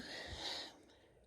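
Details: Female sneezing: a soft, breathy burst of air through the nose and mouth, fading quickly; a single stifled sneeze.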